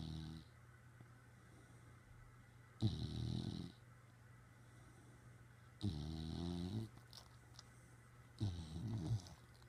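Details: Dog Molly lying on top of owner's head, snoring again and staring: three low, rumbling snores, roughly twenty a minute, with quiet pauses between, over a steady hum.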